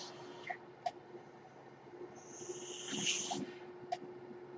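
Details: Mechanical ventilator sound heard during a podcast recording, which the user identifies as their own ventilator: a steady low hum with soft clicks and a rising, then falling hiss of delivered air.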